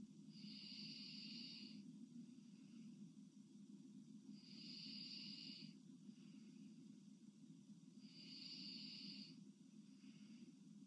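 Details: Sleeping girl: loud, slow, noisy breathing with a hissing rasp on each breath against a steady background hum; heavy sleep breathing bordering on snoring.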